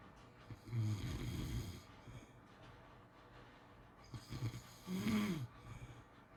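Two loud, rattling snores on inhaled breaths with quiet pauses between them; typical snoring during sleep.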